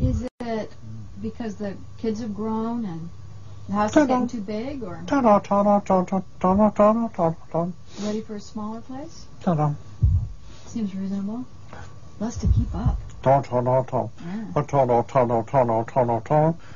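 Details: Adult patient speaking with a female interviewer; Broca's aphasia with recurring utterance.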